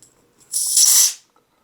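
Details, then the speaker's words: A short sharp hiss under a second as residual pressure in the regulator space escapes while the regulator is undone from a closed portable oxygen tank without prior venting, an EMT skill demonstration; expected and harmless. "And that's okay too, right? There's just residual pressure inside this regulator space."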